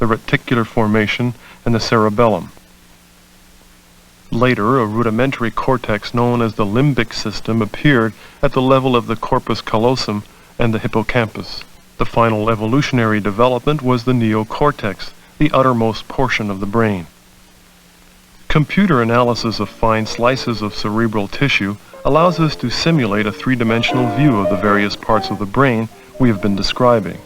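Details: Adult male narrator; normal speech.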